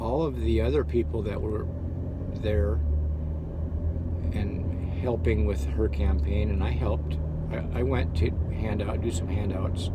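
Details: Adult man who had severe stuttering that still crops up, heard now as stammering and hesitating; stuttering.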